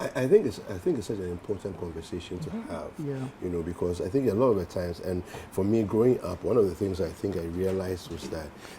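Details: Adult male speaker; fluent speech, no speech disorder.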